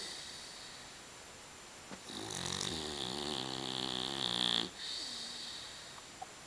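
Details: Sleeping dog, Daisy, snoring: a long, buzzy, fluttering snore with a soft sigh before and after.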